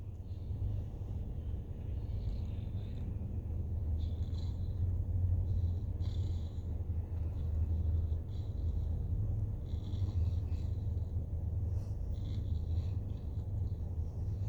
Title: Sleepy snoring bulldog